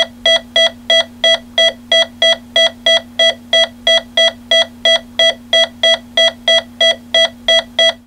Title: Hospital, Heart Monitor - Heart Monitor: Electronic Beeps: Fast Rate, Hospital, Medical &...